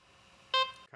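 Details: corpuls cpr mechanical chest-compression device during its function test: faint room hiss, then a single short clear beep as the device stops therapy and switches off, with no error alarm or error message.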